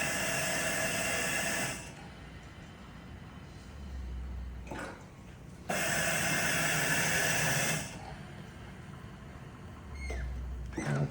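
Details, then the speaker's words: Mallard large animal anesthesia ventilator demonstrated on a bellows that simulates lungs. It cycles 10 breaths a minute with a 1.6-second inspiratory time, about 16 L per push. Two long hissing pushes come with quieter pauses; ventilator cycling. "Right now I have it cycling 10 times in a minute. And so for 1.6 seconds, we'll be pushing the bellows down."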